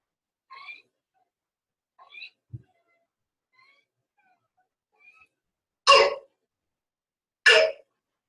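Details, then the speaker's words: Two loud, harsh, dry coughs with a barking quality after faint sounds, played as the hallmark cough of croup; barking cough (croup). "they kind of sound like a bark anyway that is kind of a Hallmark creppy hul like bar dry"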